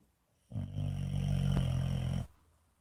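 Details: White boxer puppy snoring loudly in sleep: one deep, rumbling, buzzing breath lasting nearly two seconds.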